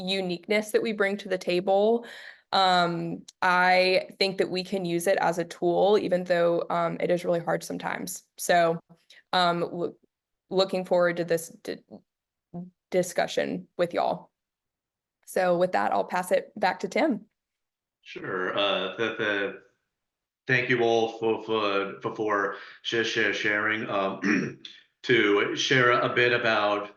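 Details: Adult who stutters speaking as a panelist, with audible repetitions and blocks; stuttering.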